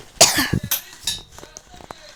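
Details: Coughing from a person who says they currently have a cough and keep coughing while playing a game and chatting; cough.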